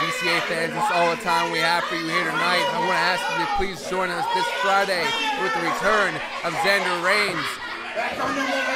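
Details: Adult male speaker; Normal speech.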